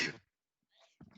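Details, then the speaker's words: Sneeze during a podcast Skype call, announced just before: a single loud, explosive burst likened to a transformer, then a pause with faint breath and speech sounds. "That sounded like a transformer. Bless you."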